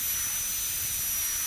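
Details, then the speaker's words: High-speed dental handpiece with thin tapering fissure burr run slowly on the mesial proximal aspect of a typhodont model tooth for stainless steel crown preparation, avoiding the adjacent tooth: steady high-pitched whine. "Slowly you have to run the burr on the proximal aspect of the tooth to be crowned. Make sure that you do not touch the adjacent tooth. As you can see, I am running the burr very slowly,"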